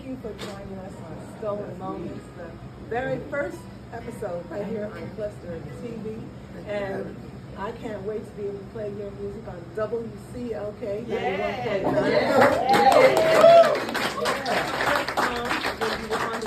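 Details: Adult speaker; ordinary speech.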